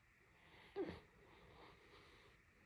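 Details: A Great Dane named Rey sleeping during a long nap gives a brief, rough, snorting snore against quiet room noise; she snored for 30 minutes straight.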